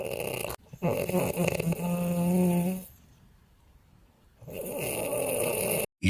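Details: Sleeping piglets snoring in rough, rattling bursts, one with a brief tonal whine, quiet pauses between breaths.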